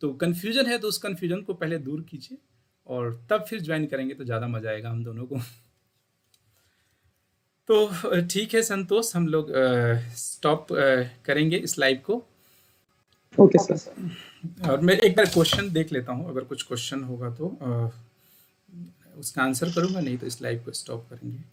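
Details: Adult speaker; normal voice.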